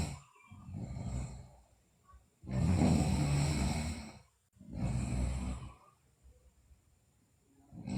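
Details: Sleeping girl: two deep, rumbling snores on inhalation, each over a second, with quiet breathing between; loud snoring during sleep.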